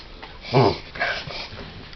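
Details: Dog having a reverse sneezing episode, with a quick burst of snorting, sucked-in breaths through the nose; the owner asks what is wrong with him.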